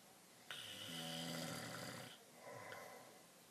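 A loud, rattling snore on an inward breath, then a softer second breath sound; typical adult snoring during sleep.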